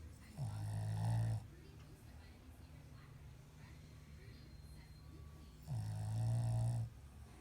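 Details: Shih Tzu dog snoring: two long, low rattling snores on the in-breath, several seconds apart, with quiet room noise between.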